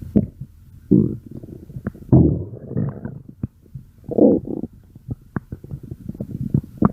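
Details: Stomach growling (borborygmi): bursts of gurgling, squeaky rumbles and sharp pops from the belly as gas and fluid move through the gut.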